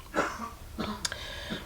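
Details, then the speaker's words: Adult man with COVID-19 coughs a few brief times and clears his throat, somewhat distant in the background of a small room. "positive, as you can probably hear him coughing away in the background."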